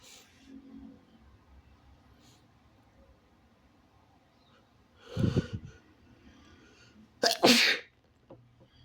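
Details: Two sharp sneezes into the elbow, each with a quick breath in before the burst, in a quiet room.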